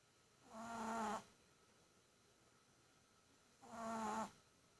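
Two slow, rattling, buzzy snores on breathing in, about three seconds apart, in a quiet room: snoring in a small dog.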